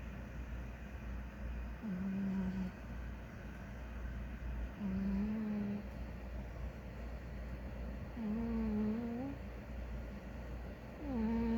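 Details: Big ginger cat asleep, snoring with a low, tonal, slightly rising snore about every three seconds, roughly 20 breaths a minute, over steady low room hum.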